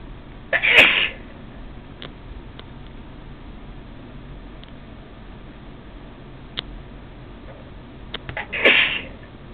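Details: Two sharp, hissy sneezes about eight seconds apart, with quiet room noise between, more sneezes recorded the same day: repeated sneezing.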